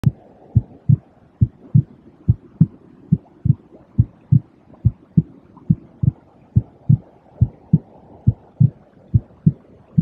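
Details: Steady, even lub-dub heartbeat at about 70 beats a minute, a calm, regular rhythm; normal heartbeat.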